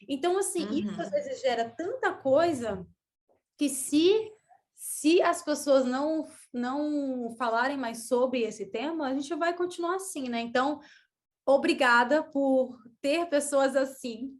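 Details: Stuttering in a woman who has stuttered since childhood, with blocks and pauses that she describes as not very severe.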